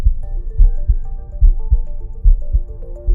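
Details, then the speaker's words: Normal lub-dub heart sounds recorded with a Stemoscope electronic stethoscope placed over the heart: regular paired sounds at about 72 beats a minute, with soft music behind. "simply put the stemis cope over the heart you can hear the love dub heart sounds"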